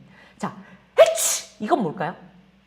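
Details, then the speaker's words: Adult role-playing a sick patient imitates a sneeze: a brief catch of breath, then a loud hissing 'achoo' burst and a short voiced tail in a quiet room; simulated sneeze. "现在，“阿嚏！！”这是什么？[打喷嚏]“嘶！”"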